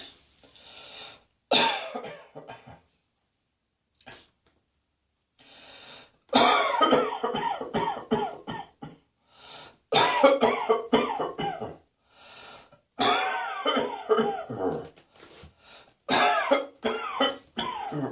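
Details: Repeated bouts of dry, hacking coughs with throat clearing, about five clusters with short pauses, attributed by the person to cat hair, over music.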